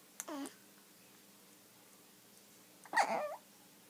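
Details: Baby hiccups: two brief voiced catches a few seconds apart in a quiet room.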